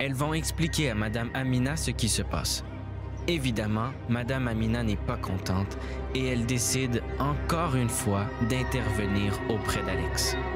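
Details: Adult narrator; no disorder.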